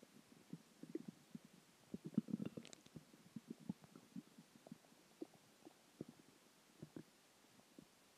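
Soft, irregular gurgles and bubbling pops over several seconds, loudest early on; ordinary stomach growling from food, water and gas.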